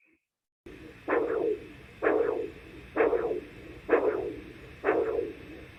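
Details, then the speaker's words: Doppler recording of radial and femoral pulses in a man with coarctation of the aorta, diagnosed by cardiac MRI: the pulses do not occur at the same time, radial-femoral delay. "i felt his radial pulse and i felt his femoral pulse and they were not occurring at the same time and i recorded it with a doppler machine so take a listen"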